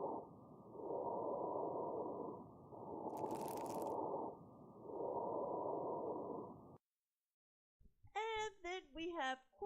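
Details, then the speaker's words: Fine crackles heard through a stethoscope: muffled breath sounds with brief, high-pitched crackling like hair rolled between fingers by the ear, caused by fluid in the airways. "There are fine crackles, which are high-pitched sounds, and they sound like rolling hair if you take your fingers and roll your hair in your fingers next to your ear. That's what fine crackles sound like."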